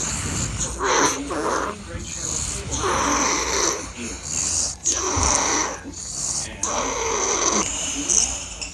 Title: The baby snoring loud